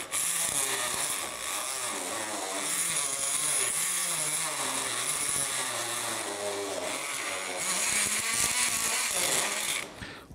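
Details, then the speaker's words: Oscillating bone saw, loud high-pitched buzzing whine, making femoral cuts in total knee replacement with the collateral ligaments protected by retractors; oscillating bone saw cutting. "دول بيركبوا على الفيمر من ورا ويحملنا بيهم الايه الكولاترال ليجمنتس عشان المنشار بتاعنا ما ياكلش الليجمنتس ونلاقي بعد كده عندنا انستابيليتي."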